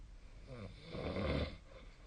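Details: Snoring recorded during sleep with the SnoreLab app: a single low, rattling snore on an in-breath, building and then fading over about a second; ordinary snoring.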